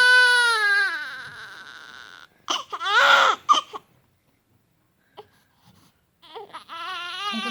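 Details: Infant crying: a long wailing cry, then short sobbing cries and whimpers with pauses; ordinary infant crying.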